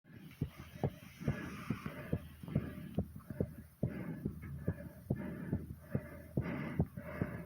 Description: i did some more exercising and made sure it got my heartbeat racing very fast and my breathing very hard